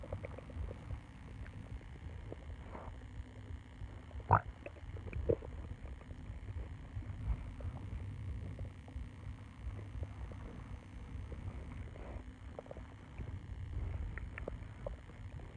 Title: Short stomach growl